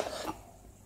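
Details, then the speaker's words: Single short, sharp reflex cough from a child after lemonade went down the wrong way while drinking; cough after aspirating a drink. "that's what i did when i swallow did lemonade was whizzing down my throat do not ever happen to you that always happy to me"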